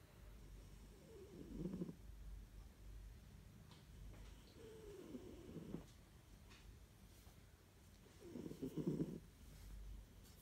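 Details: Soft, low rattling breaths recur every few seconds from a Siberian cat snoring gently during a lunchtime nap in its cat carrier.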